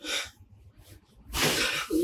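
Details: A sharp, hissing burst of breath, a pause, then a long forceful exhale as a patient with a cervical disc problem, low back pain and sciatica breathes in deeply and releases during traditional varma therapy; not a sneeze.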